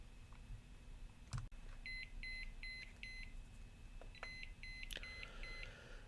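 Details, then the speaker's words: Alaris Medsystem III IV infusion pump in a training demo: repeated electronic alarm beeps for a fluid-side problem (resistance in the line); the pump asks the user to confirm the message before it will pump harder. "we click this alarm you'll notice there's a confirm message here is telling me we have a fluid side problem and it's asking me to confirm that I've read the message"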